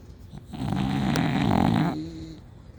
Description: Bulldogs snoring loudly, and I love it lol.